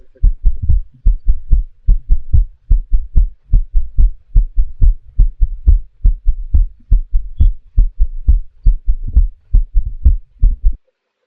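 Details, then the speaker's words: Regular low heart sounds at about 72 a minute, each beat with an extra soft sound just before the first heart sound, a galloping rhythm: S4 gallop, from blood striking a stiff left ventricle during atrial contraction. "concentric L vular hypertrophy AC Mi and restrictive cardiopathy these are the S4 sound"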